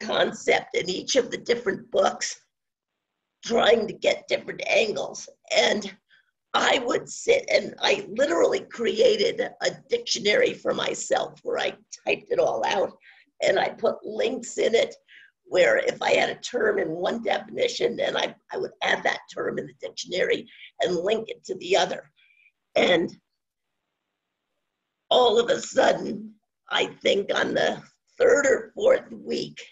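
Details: Adult woman with scratchy voice from spasmodic dysphonia, onset around 2010 and progressively worsening, no cure; her Botox injection was postponed by the doctor; spasmodic dysphonia.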